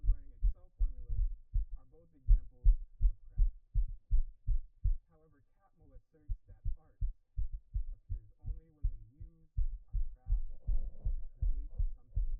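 Fast, strong low thumps, roughly 160 a minute with a brief pause, a rapid pounding heartbeat.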